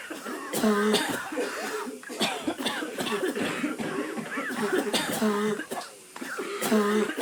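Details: An adult acts repeated coughing: rapid, harsh bursts again and again, some with a voiced hacking tone.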